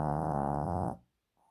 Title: Chrápající jorkšír / Snoring Yorkshire